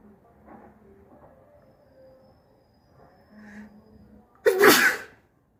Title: Snotty sneezes